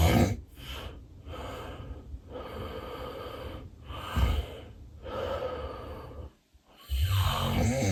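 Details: Adult's real daytime nap, unplanned, with sleep apnea: loud, rough snoring and snorting, a brief silent pause, then forceful gasping resumption of breathing; snoring with obstructive apnea episodes.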